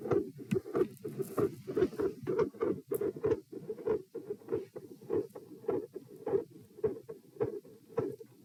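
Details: Doppler probe at position P during a lying-sitting-standing-lying posture stress test, edited so there are abrupt skips: rhythmic whooshing heartbeats with swishing flow between beats from multiple heart murmurs.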